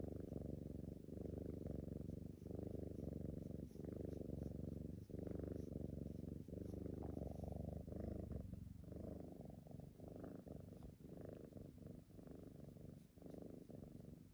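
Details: Sleeping Siamese cat snoring: a steady, low, rumbling purr-like sound with a rapid flutter throughout, broken by short pauses.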